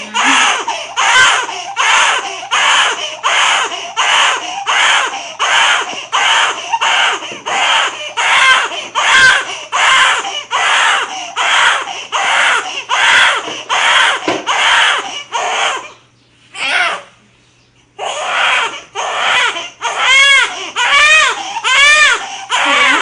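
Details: Newborn crying after birth: rhythmic, vigorous crying, about 77 cries a minute, with a brief pause partway through.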